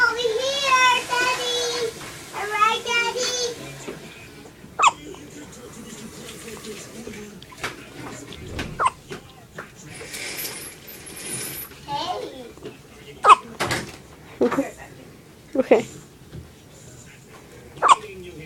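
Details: Hiccups in a baby: short, sharp catches repeating every one to two seconds, with fussing at the start and an adult voice in the background.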